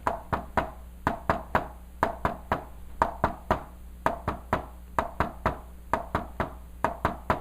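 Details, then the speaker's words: Tapped teaching imitation of an S3 gallop: a triple rhythm with an extra sound right after S2, explained as blood filling a dilated, non-contractile ventricle. "That is S3. So what really causes S3? Usually, it's due to when you have a heart that's dilated or a non-contractile ventricle that's just big and is full with a lot of blood, and the atria is contracting and spilling a little extra blood down into an already non-contractile ventricle."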